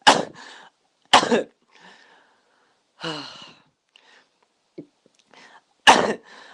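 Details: Three sharp, explosive coughs spaced over about six seconds, with softer breathy sounds between them; coughing.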